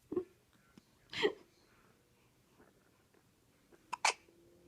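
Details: One-week-old newborn, wide awake and alert, with hiccups: three brief, abrupt catching sounds spaced a few seconds apart in a quiet room. Hiccups.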